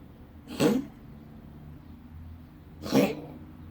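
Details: Cat with a wheezing quality to its meow, presented as a symptom; wheezing meow.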